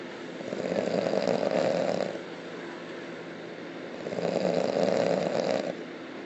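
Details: Two long, loud, rough rattling snores on breathing in, about four seconds apart, roughly 15 breaths a minute; heavy snoring.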